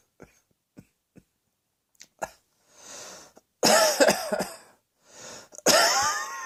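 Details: Small throaty clicks and a throat clear, then two loud harsh coughs with a rattly, wheezy edge as breath is drawn back in; cough.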